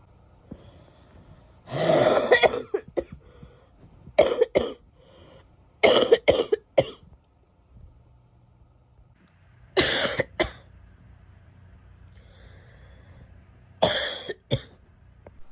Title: coughing clips from when i was sick (f)